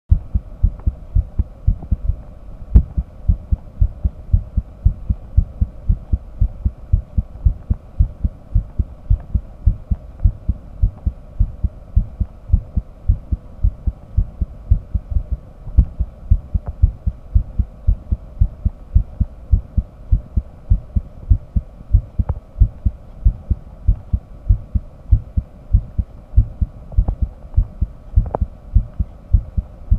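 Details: Real-time auscultation heartbeat with simultaneous ECG while the person triggers arrhythmia: steady low thumps with occasional early beats, labelled ventricular (PVC) and supraventricular extrasystoles.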